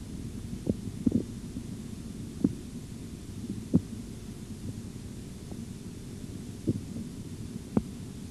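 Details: Korotkoff sounds from an auscultatory blood pressure training recording with a bradycardic patient: faint, slow, low-pitched taps over a steady hiss during cuff deflation. The first tone is at 140 and the last at 88 mmHg, giving 140/88 mmHg.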